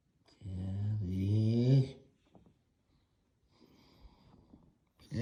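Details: Sleeping French bulldog snoring like a hog: one loud, drawn-out groaning snore with rising pitch, then quieter soft breathing; owner remarks it is loud.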